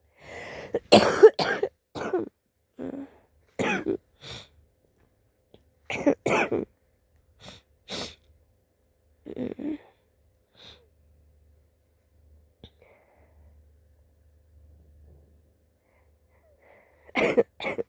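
Bouts of short, harsh coughs in quick clusters, about a dozen over the clip, with quiet pauses between; coughing during a flu illness.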